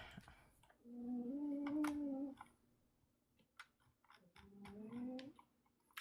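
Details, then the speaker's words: Loud snoring from a sleeping cat: two long, buzzy, tonal breaths about three seconds apart over faint clicking in a small room, first mistaken for a dog, likened to a purring dog. "My cat snores so [ __ ] loud. It's ridiculous."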